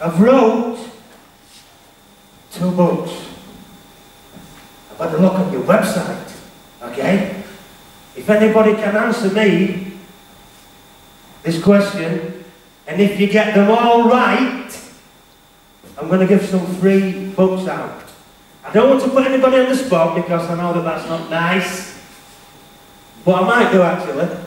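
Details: Stuttering (stammer) in an adult male speaker who has had speech therapy.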